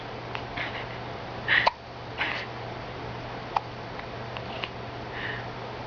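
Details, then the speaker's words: A small animal called "piggy boy" gives a few faint, sharp, hiccup-like clicks at irregular intervals, with steady room hum behind; hiccups. "You got the hiccups, piggy boy?"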